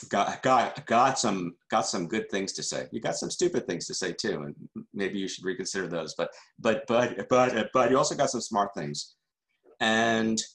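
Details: Adult male journalist who stutters and calls himself a stutterer, answering questions after a talk, with word repetitions: stuttering.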